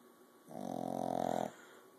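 A single buzzing, fluttering snore lasting about a second from a sleeping puppy.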